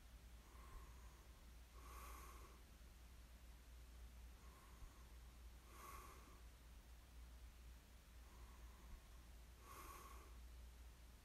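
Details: Soft, slow sleep breathing with a light snort on each breath, about three breaths in eleven seconds; mild snoring during sleep, recorded as a snoring ASMR sleep aid.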